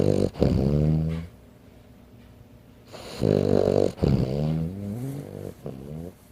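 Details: Sleeping 15-pound Frenchton dog: loud, droning, groan-like snores in long bursts with pauses between breaths; snoring.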